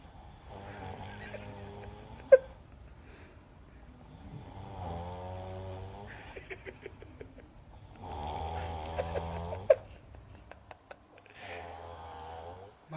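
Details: Younger brother in deep sleep, who habitually snores, eyes seemingly partly open: slow, rhythmic rattling snores on each breath in, with quiet breaths out between.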